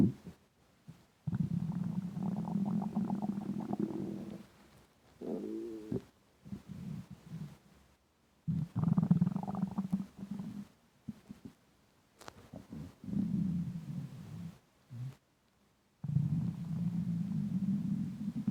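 Low gurgling and rumbling bursts come and go, with short squeaky gurgles between them. Bowel sounds of a hungry stomach, a normal finding.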